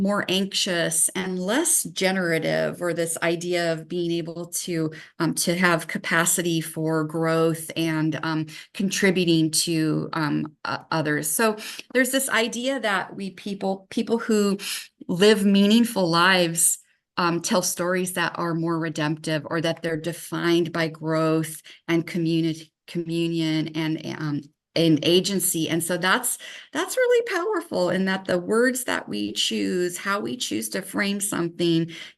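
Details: Adult woman speaking; normal speech.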